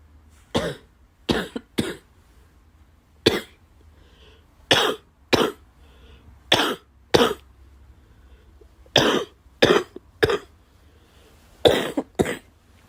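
About fifteen sharp coughs in short bursts of two or three, with pauses between; repeated dry-sounding cough.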